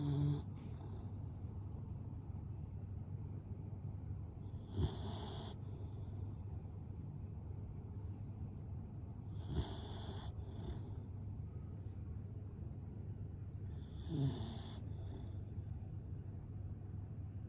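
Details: Pet named Mochi snoring during sleep: soft, irregular snoring breaths about every four to five seconds over a steady low hum of room noise.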